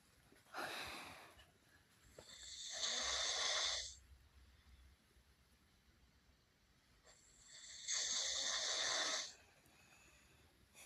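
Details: A person snoring during sleep: two long, harsh, hissing snores on the in-breath with quiet pauses between them, slow at about 11 breaths a minute.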